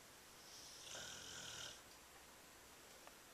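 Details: Snoring: one soft, wheezy snore on a breath, then quiet room noise.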